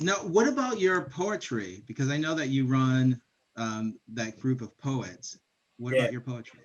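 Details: Adult speaker in a small room; normal speech.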